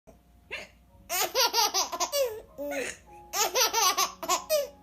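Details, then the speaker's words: Young girl with hiccups from laughing, some of them faked, a lot of them real: bursts of laughter mixed with sharp, catching hiccup sounds. "still have the hiccups? Yeah. Some of them are fake, but a lot of them are real."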